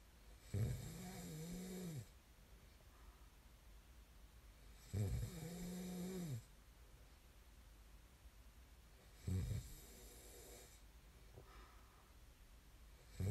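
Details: Three long, low, rattling snores on the in-breath with quiet gaps, about 14 breaths a minute; ordinary sleep snoring recorded as snoring ASMR.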